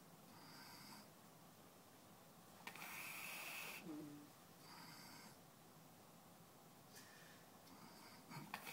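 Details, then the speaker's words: Adult man sleeping: soft hissy breathing with one louder snorting, whistly snore; snoring. "Eventually, if you get enough air in his stomach, in his throat, or in his lungs, he'll blow it out his nose or his mouth."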